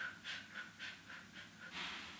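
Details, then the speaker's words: Lung function test, static lung volume (body plethysmography) part, instructions on pacing breathing to a metronome; quick, shallow panting breaths, about six in two seconds, demonstrating the fast breathing. "the first part you're going to hear a metronome chiming away and i'd like you to increase your breathing to that chime so it'll be something like"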